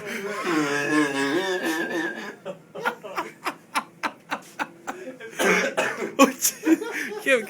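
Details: Hard wheezing laugh: a vocal start, then a run of rapid wheezy laugh pulses, about four per second, ending in strained laughter.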